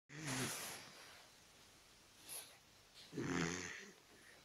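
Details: Sleeping Dachshund giving two rough, rattling inward snores a few seconds apart: snoring.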